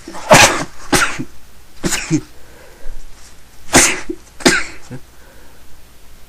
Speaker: Okay. Oh, fuck, I'm gonna sneeze again.